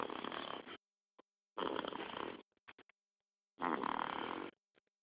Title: snores